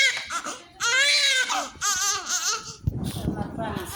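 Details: High-pitched wavering cries with breaks between, from a newborn just after birth being cleaned, weighing about 3.78 kg, over soft room noise, music and adult talk; an ordinary newborn cry.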